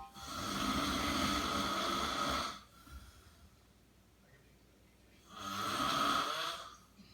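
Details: Snoring-dad contest winners: two long, loud, rasping snores on the in-breath with a quiet pause between; heavy snoring.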